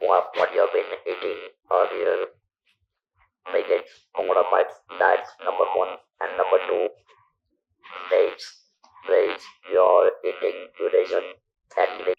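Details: Male survivor of stage 4 vocal cord (throat) cancer, operated in 1997 (about 10,000 days earlier), natural voice lost, speaking with an external electrolarynx device; electrolarynx speech.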